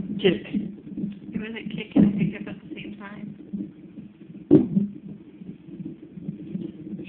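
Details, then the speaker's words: Male fetus heard by doppler: sharp rhythmic thumps of fetal hiccups over steady doppler swishing and a background pulse; fetal hiccups. "Now he's getting mad. He's getting mad at his hiccups."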